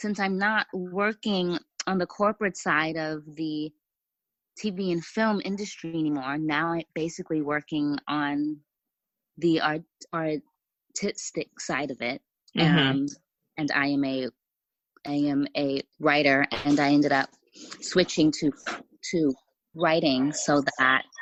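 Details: Stuttering in an adult woman who says she has a stutter that was more severe in the past; part-word and word repetitions.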